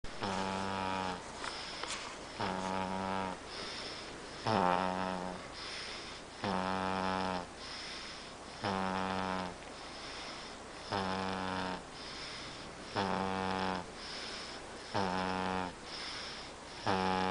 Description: snore like a man